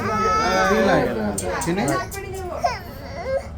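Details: Baby held still during ear piercing: loud, high, wavering crying with sobbing breaks; an infant pain cry.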